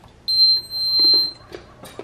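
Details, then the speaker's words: Enteral feeding pump priming for a cystic fibrosis patient's feeding tube, set up by a 5-year-old: a loud high beep at power-on, then soft mechanical clicks as the held prime button pulls formula into the tubing. "so you start by pushing the on off it's nice and loud and you remember to hold the prime down just keep holding and you're going to see it suck it"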